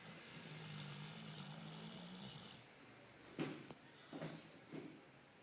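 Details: Dog snoring, recorded May 2013: a low rattling snore on the breath, then a few soft snorting breaths in a quiet room.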